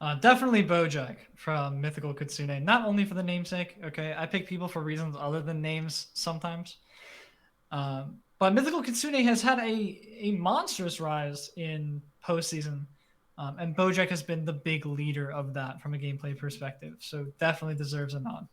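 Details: Adult male speaker; Normal speech.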